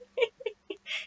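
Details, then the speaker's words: Newborn boy, unhappy about being carried around and possibly needing a diaper change: four short, high, squeaky whimpers; ordinary newborn fussing. "not very happy about being dragged around ooh and I think we need a diaper change"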